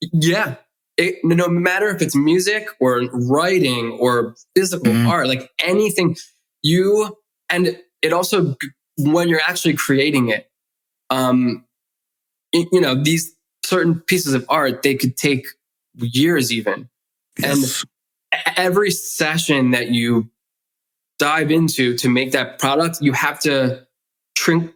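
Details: Adult male author who grew up with a stutter and was bullied for it, with the stutter still present as an adult; word repetitions: stuttering.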